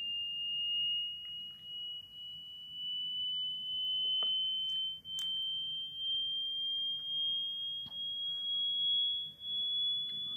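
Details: Dog hearing test: steady high-pitched pure tone rising slowly in pitch, played continuously, with a few clicks and faint room noise.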